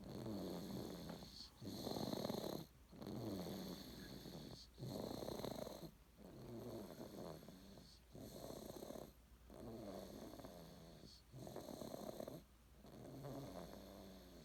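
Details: Steady rhythmic snoring, with rough rattling sounds on each breath at about 18 to 20 breaths a minute.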